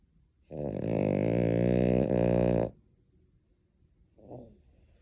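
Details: Dog snoring: one loud, fluttering, rattly snore lasting about two seconds, then a softer breath a moment later.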